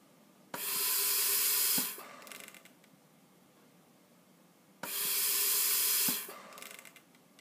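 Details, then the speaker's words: Bird Mark 8 IPPB unit set up as a ventilator on a test lung, tidal volume 500 with target rate 20: two loud hissing gas-flow bursts about four seconds apart, each ending with a click; machine breaths at about 16 a minute. "C that just gave me a breath now what you need to do is to count the breaths that are being delivered"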